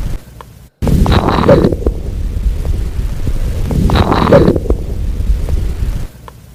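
Two breaths through a stethoscope, each ending its inspiration with a brief high squeak: a late-inspiratory squeak.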